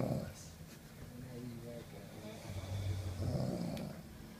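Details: Snoring recorded in a hotel room: low, rumbling, grumbling breaths with a throaty vibration, possibly a dog snoring.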